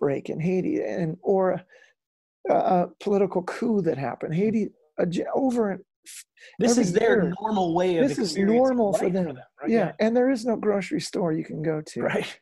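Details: Adult male former rock lead singer with incurable spasmodic dysphonia, which began at the height of his singing career and was first taken for hoarseness; doctors could not fix it; still affected and audible in his speech; spasmodic dysphonia.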